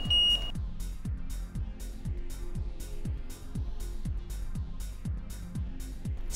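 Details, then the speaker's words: LTV 1200 ventilator in emergency setup: a brief high electronic tone, then steady repeating low pulsed beeps with background music, alarms sounding until the LTV circuit is connected to the patient; ventilator alarm. "alarms will sound until you connect the LTV circuit to the patient"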